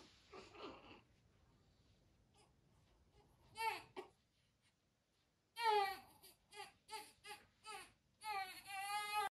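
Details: Newborn girl, one of twins, crying: short, high-pitched cries and whimpers in bursts separated by quiet pauses; an ordinary newborn cry.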